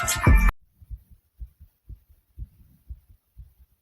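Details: Steady paired low thumps, about 120 beats a minute, after a brief burst of sound at the start; a fast, pounding heartbeat, described as the narrator's own heartbeat.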